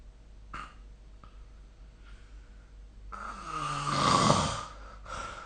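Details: Faint breaths, then a long, rising, harsh snore on the in-breath during sleep, recorded with the SnoreLab snoring-recording app.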